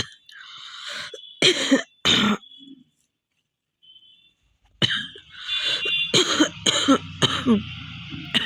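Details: Real long cough challenge: loud harsh coughs in runs of several, some ending in a wheezy catch, with pauses between runs, from a woman with a genuine cold cough that is getting better.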